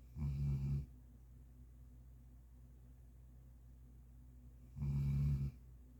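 Two low, rumbling snores about four seconds apart with quiet between them; ordinary snoring.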